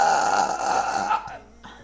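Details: Single long, loud, voiced belch lasting about a second, fading out; burping.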